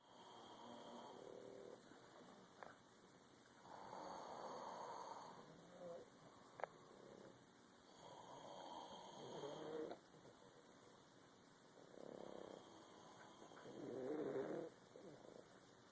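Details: Exhausted adult son and two Boston terriers snoring together on his first night home: rough, rattling breath noises recur every few seconds over a steady background hiss.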